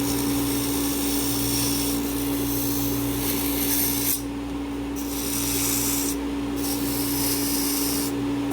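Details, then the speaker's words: Steady motor whine with loud scratchy rasping as the spinning brush wheel of a dental lathe, run with suction, is cleaned while smoothing wax on a full upper and lower denture for a wax try-in. "I'm gonna use my lathe my suction this is gonna be slightly now"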